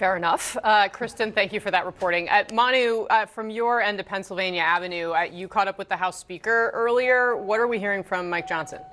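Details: Adult woman speaking; Normal speech.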